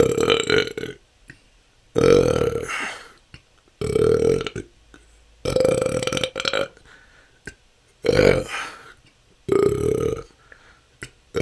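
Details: Repeated loud voiced belches, about six in eleven seconds with short gaps, part of 10 continuous minutes of natural burping; episodes can last hours and have been a struggle for the last couple of years.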